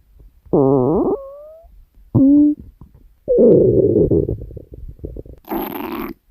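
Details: Woman recording her own stomach growling while sleeping: loud squeaky, whining gurgles and a long rumbling growl, then a softer gurgle; borborygmi from normal gut movement.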